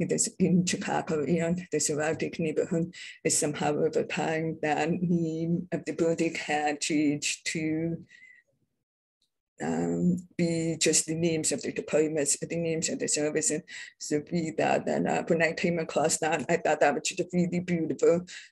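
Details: Adult who identifies as deaf and having a deaf accent; deaf speech (deaf accent).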